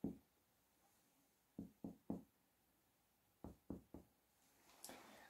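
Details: Percussion of the posterior chest of a 50-year-old man, starting at the suprascapular region, using a finger on the middle phalanx: seven short hollow taps in two groups, giving a normal resonant note.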